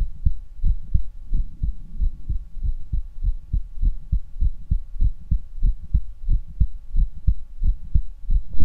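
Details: Normal heart sounds through a stethoscope: regular low heart thumps at about 90 beats a minute, with a faint steady hum behind.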